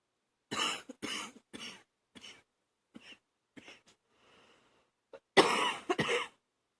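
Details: Adult coughing at night in repeated fits with a rattling, loose, phlegmy quality; phlegm causes gagging; productive wet cough.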